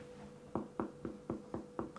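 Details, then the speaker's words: Self-percussion over one's own lungs: seven quick, evenly spaced finger taps with a hollow, moderately low ringing note over a faint steady hum, a normal resonant percussion note. "so if you want to really hear it you just like fill your chest with air and then percuss right so that's resonance"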